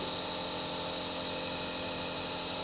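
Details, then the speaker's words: Nebulizer compressor running during steam inhalation treatment, a steady mechanical hum with hissing airflow; described as moistening the airways and easing flu and cough, usable for babies and adults. "Ini di uap, nebulizer. Diuap. Iya. Namanya ini nebulizer."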